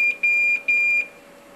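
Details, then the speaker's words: Repeated high-pitched electronic beep groups that then stop: low minute volume alarm on a Dräger Babylog ventilator after disconnection for pre-use flow sensor calibration. "put it back on your patience so that you don't get your alarms and it's going to have alarms here because the low minute volume having been disconnected for a little"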